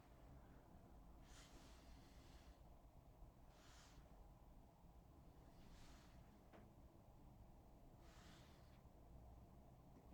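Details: Real adult patient breathing normally during a nursing head-to-toe assessment, heard by stethoscope: soft, smooth airy swells of deep breathing with a steady low rumble between breaths and no wheezes or crackles. These are normal breath sounds.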